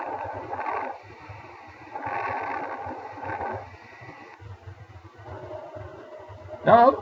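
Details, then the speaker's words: Soft rustling breath sounds over the chest, with longer inspiration and fainter, shorter expiration: normal vesicular breath sounds. "before move to the other breathing sound you can hear that the this is the vesicular breathing sound"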